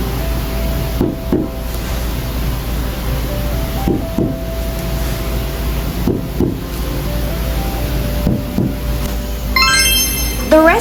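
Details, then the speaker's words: Paired low hollow taps of chest percussion over background music: resonant note, low-pitched and hollow, heard over normal air-filled lung tissue. "sound this sound are low pitched hollow sounds heard over normal lung tissues"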